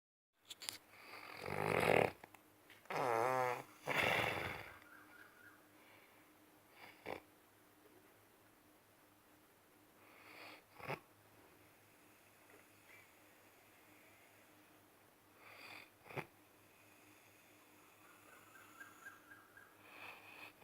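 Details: Person snoring deeply: a few deep, rumbling snoring breaths early on, then quieter breathing with soft snorts and faint room noise.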